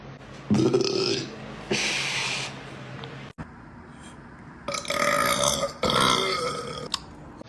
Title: Boys Burps Compilation